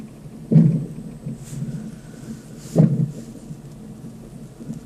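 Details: Fetal monitor recording of an unborn baby's hiccups: two sharp, low thumps about two seconds apart over a steady monitor hum.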